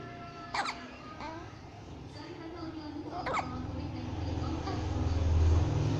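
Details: One-month-old baby girl: about four short, sharp hiccups at uneven intervals, with music playing in the background: infant hiccups.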